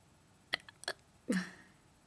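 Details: Hiccups: three short, sharp, involuntary gulping sounds over about two seconds, the last with a brief voiced catch.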